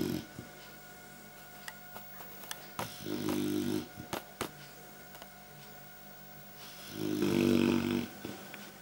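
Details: A tired Clumber Spaniel puppy sleeping after playing outside all morning: two long, low, rumbling snores with quiet, clicking breaths between, against steady room hum; ordinary snoring.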